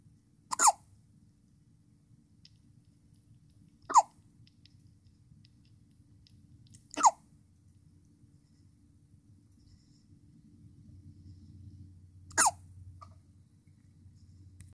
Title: Baby's Tiny Hiccups, with Pacifier